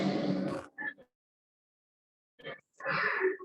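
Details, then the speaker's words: Harsh, gurgling snore-like bursts of air with silent gaps, a short clip played in a chest trauma lecture: traumatopnea, a sucking chest wound, an ominous sign of open pneumothorax from chest trauma. "Eso es una traumatopnea, tal cual como si estuviese allí roncando por los pulmones, ¿ok? Eso no se les puede olvidar, eso es un evidente signo ominoso de un traumatismo de tórax con un neumotórax abierto."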